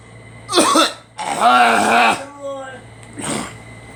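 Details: Two people coughing, blamed on allergies: a short cough, a drawn-out voiced throat-clearing sound and another brief cough in a small room; coughing and throat clearing.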